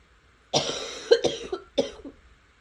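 A short run of about three harsh coughs in quick succession.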